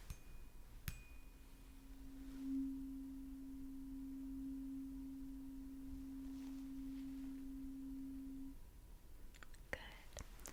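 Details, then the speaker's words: A struck tuning fork rings a steady pure tone for about six seconds then fades, during a simulated roleplay cranial nerve hearing test with the patient's eyes closed. "My final hearing test for you, again, keeping your eyes closed, is going to be a tuning fork. I'm going to strike the tuning fork, and you just let me know when you can no longer hear it, alright?"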